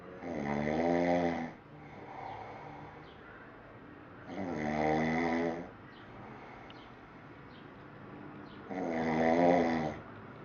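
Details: Adult man (father) snoring: three loud rattling snores on each in-breath, about 14 a minute, with quiet exhalations between; ordinary snoring.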